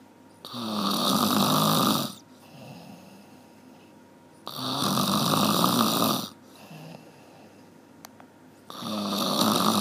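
Loud, rough snores on each breath in, about every four seconds, with quiet breaths out between them. Steady, regular snoring.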